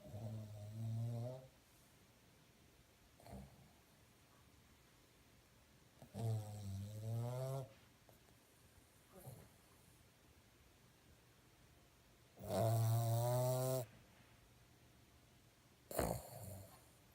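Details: Puggle snoring: loud, rattling, buzzing snores with long pauses, about three, ending with a sudden snort as the dog is woken.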